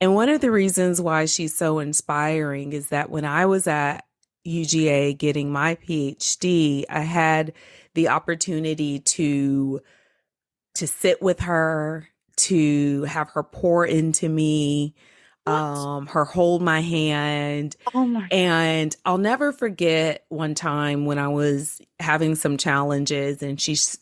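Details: Adult woman speaking; normal speech.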